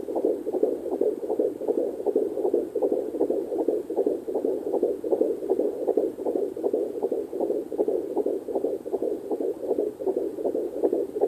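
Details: Fetal heartbeat at 14 weeks 1 day on a Sonoline C2 fetal Doppler.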